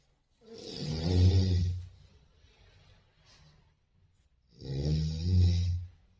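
Two deep, rumbling, drawn-out breaths with a quiet gap between them; a sleeping newborn snoring.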